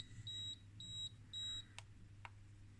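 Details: B. Braun Infusomat Space linear peristaltic IV infusion pump being powered up during a teardown: three evenly spaced high-pitched electronic beeps, then two short clicks over a faint room hum.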